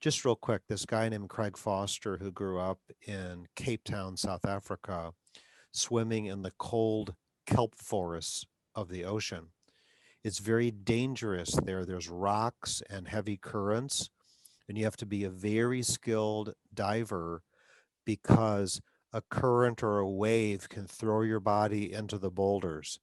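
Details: Adult male speaker; typical speech.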